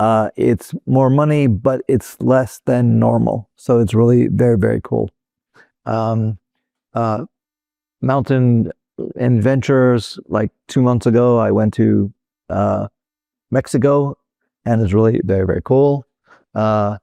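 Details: Real adult male stroke survivor with Broca's aphasia, which resulted from a stroke in 2007; Broca's aphasia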